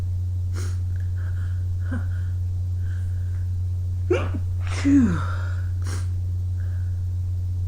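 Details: Two sharp sneeze bursts with softer breathy sounds around them over a steady low hum; sneezes done after an early-morning run in cold air.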